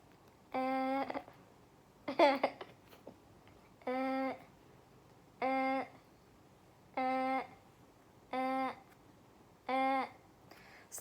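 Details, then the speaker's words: Adult physical exam for difficulty breathing, vocal resonance test: patient repeatedly says "77" at a steady pitch over the chest; louder, clearer transmitted voice is called bronchophony. "Jadi jika tadi pemeriksaan 77 nya terdengar suara yang lebih keras dan jelas itu disebut bronkofoni"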